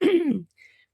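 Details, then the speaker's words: Throat clearing from an adult woman whose voice is croaky after being quite sick the previous week: a single voiced clear followed by a faint breathy trailing noise. "sorry about my voice getting croaky and croakier. Not much I can do about it. I'm afraid I was quite sick last week."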